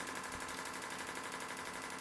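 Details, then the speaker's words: Shockwave therapy device self-applied at the base of the heel over a tender Achilles tendon, foot relaxed, to treat Achilles tendinitis: rapid, steady, fairly loud train of sharp pneumatic clicks; shockwave device firing. "And it is a little bit loud on here. So, so we're going to start with that and just get it moving around the tendon."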